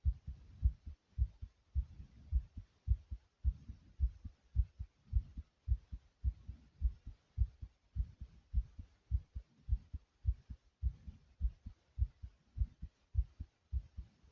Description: my heart is just pounding so hard and that's what i like 😁❤.